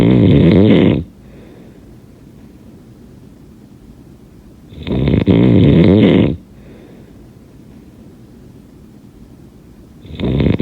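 Loud, rattling snores on each breath in, about twelve a minute, with quieter breathing out between them.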